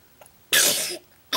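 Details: Young grandson sneezes snot: a short catch of breath, then one forceful, hissing sneeze burst lasting about half a second.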